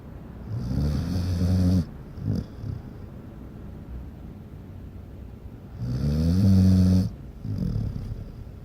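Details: Dog snoring loudly while asleep: deep, rattling snores on the in-breath, with quieter breaths out between them.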